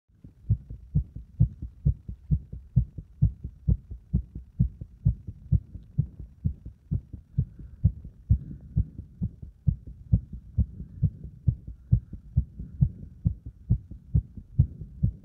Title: バーピー後にディープスクワットで追い込んだ心臓の音